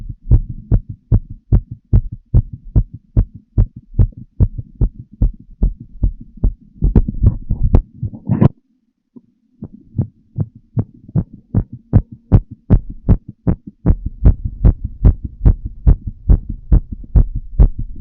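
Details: Adult female smoking a cigarette, full heart auscultation through a stethoscope: strong, regular heartbeat thumps at roughly 70 to 75 beats a minute, a brief break and low background hum; ordinary heart sounds.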